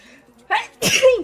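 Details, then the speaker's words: Streamer with allergies, who wonders whether it is flu: a quick in-breath followed by one explosive, noisy sneeze. "Vou espirrar de novo, não é possível. Ai, ai, ai, ai, ai. Será que é gripe?"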